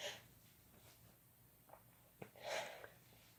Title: Couple Sneezing Using Chhinkni